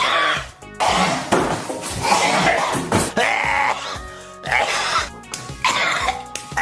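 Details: Repeated harsh coughs and throat clearing from an adult man in short bursts, mixed with background music; plain cough.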